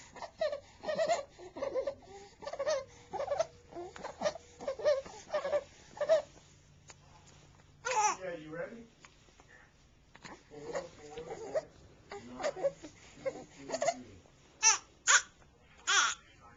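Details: Infant with laryngomalacia recorded on a Flip Video camcorder: rapid, repeated squeaky, voiced breathing noises of inspiratory stridor.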